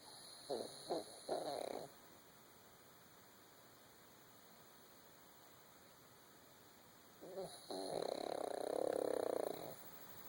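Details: Sleeping female puppy snoring: a short choppy run of rough fluttering snoring, a quiet pause, then a longer rasping snore; not as loud as she gets.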